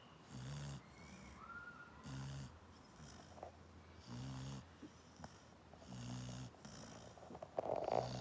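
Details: A sleepy Springer Spaniel dog snoring, recorded for about one minute.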